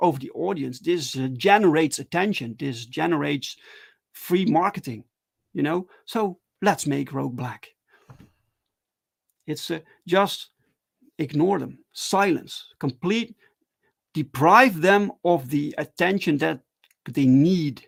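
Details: Adult male with stuttering, speaking live in a solo stream: stuttering.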